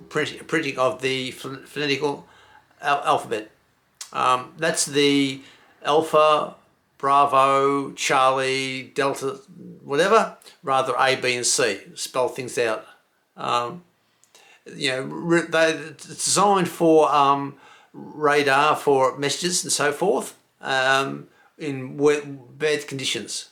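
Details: Male stroke survivor with aphasia after a stroke; word-finding difficulty and disrupted phrasing, says he cannot get the right words out.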